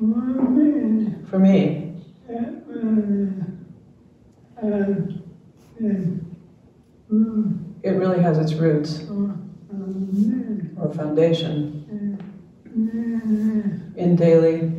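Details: Retired male pediatrician with ALS diagnosed in late 2021; speech changed over the past two years; jaw trembling is neurologic clonus; his wife interprets his speech; dysarthria due to ALS.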